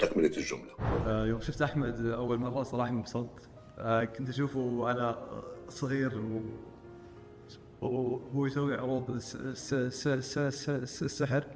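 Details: Person who stutters, speaking in conversation; stuttering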